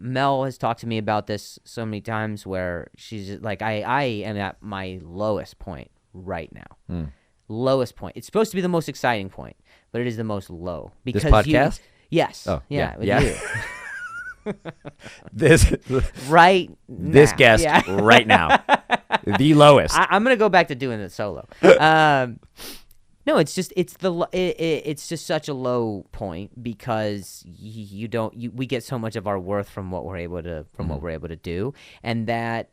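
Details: Adult male comedian who stutters and links his stutter to an injury; real speech with repetitions of words and phrases; stuttering.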